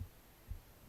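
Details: Normal heartbeat recorded on the left side of the chest while reading aloud: two soft, low thumps heard close at the chest against faint background hum.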